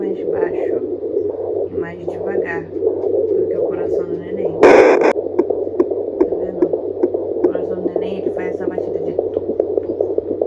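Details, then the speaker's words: A home fetal Doppler at around 19 weeks of pregnancy gives rapid, regular galloping pulses over a steady hum, heard as very fast, with one scraping burst from probe movement; normal fetal heartbeat. "eu achei o coração do bebê muito rápido porque porque gravando esse vídeo estamos com 19 semanas e três dias"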